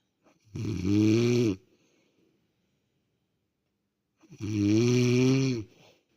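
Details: Woman snoring in sleep (wife): two long, loud, buzzing vibrating snores on breathing in, separated by a quiet pause of nearly three seconds; snoring.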